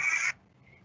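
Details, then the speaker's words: Patient with neuromuscular disease asked to breathe in deeply and cough: a single short, forceful cough with a clear expulsive phase, chest wall rise and some abdominal contraction, and a cough peak flow of 230 L/min. Relatively effective cough. "So you can hear an expulsive phase. You can hear a relatively good cough. When you looked at it, you could see a rise of the chest wall, and there was some abdominal contraction."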